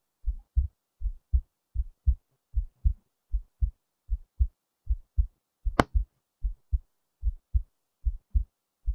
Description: There's a few times during the recording that my heart does something a little off from the regular but for the most part its steady.